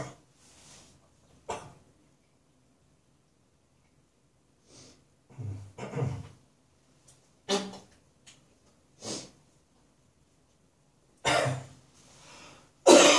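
Irregular harsh, rough cough bursts with throaty clearing sounds and quiet pauses between them.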